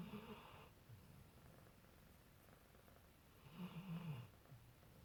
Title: Little kitten playing with a Labrador while he is sleeping and snoring